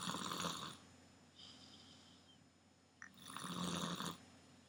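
Loud rattling snores on two breaths, with quieter breathing between them.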